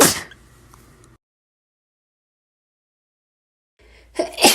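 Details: Two forceful, hissing sneezes separated by a few seconds of silence; ordinary sneezing.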